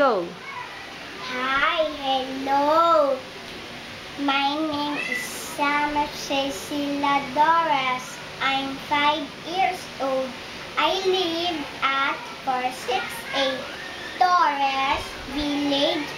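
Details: 5-year-old girl, 2 years and 6 months after receiving a cochlear implant; speech of a child with a cochlear implant.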